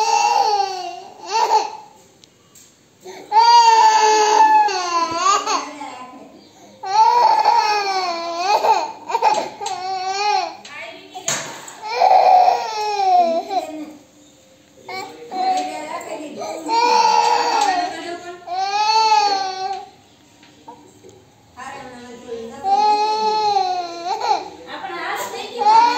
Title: baby crying fake / fake crying baby / baby fake cry / fake cry / baby cry / baby cry fake #cutebaby